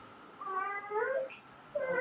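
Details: Short, high, wavering cries over quiet room noise from a newborn baby girl just after an unexpected floor delivery attended by a midwife; newborn cry.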